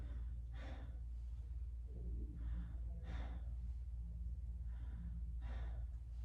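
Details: Normal breath sounds.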